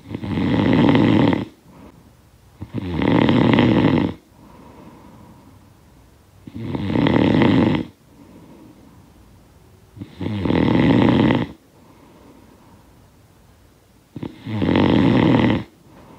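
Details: Snoring sound-effect recording: loud, rattling snores on each breath in, about four in 16 seconds, with quiet breathing out between them; snoring.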